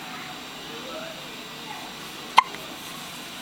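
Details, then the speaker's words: 3-day-old newborn girl's first hiccups outside the womb, one eye open; she hiccupped throughout the pregnancy and now gets them once or twice daily. A single short, sharp hiccup in a quiet room. "Baby's first hiccups. One eye open and just hicking it on up."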